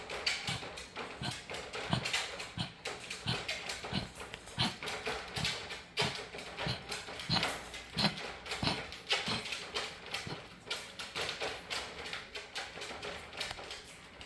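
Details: Repeated harsh, hacking coughs in quick bursts from a dog with kennel cough.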